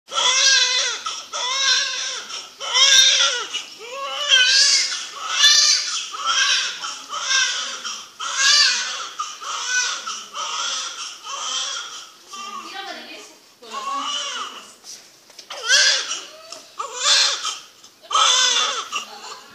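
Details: Couple's first child at birth: repeated loud, high-pitched wails about every second in a small room; a newborn's first cries.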